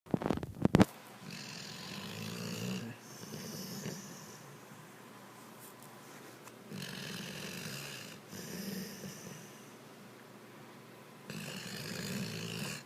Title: my dog Gotti snoring